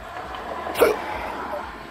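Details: A single abrupt, sharp catch of breath over steady background noise: a hiccup. The patient has had persistent intractable hiccups since December 2015, about every 3 seconds, even during sleep, with breathing and choking spasms; cause undiagnosed.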